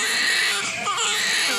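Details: Newborn baby girl crying just after birth: a loud, high-pitched, sustained cry with a brief dip in the middle. A strong, vigorous newborn cry.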